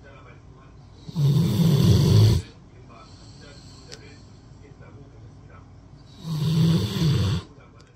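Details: Rottweiler dog sleeping on a person's arm as a pillow, snoring: two loud, deep, rattling snores about five seconds apart, near twelve breaths a minute, quiet between them.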